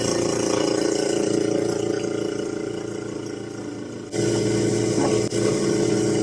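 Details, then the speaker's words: Toddler on a ventilator with a tracheostomy, at home: steady mechanical whirring and hiss of a suction machine clearing coughed-up secretions from the trach. "So, I'm going to suction out the trach area. Got to go back into her throat and suction out the boogers that she coughed up."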